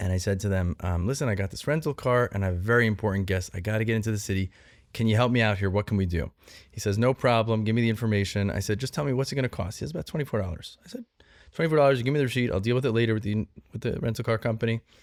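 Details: Adult man speaking; typical speech.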